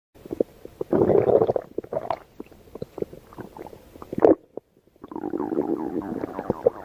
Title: baby shark's stomach growling